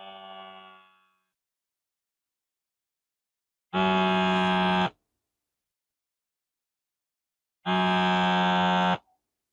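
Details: Automatic wrist-cuff blood pressure monitor, held over the heart with feet flat, in an adult on blood pressure medication who read about 147/62: two long identical electronic beeps a few seconds apart during the measurement.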